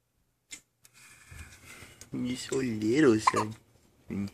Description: My baby has the hiccups . Suuuper cute